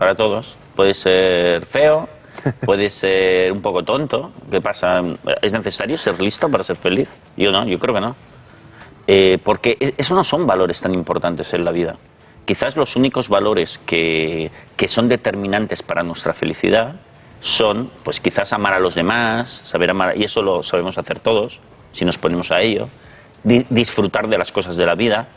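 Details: Adult male speaker; normal speech.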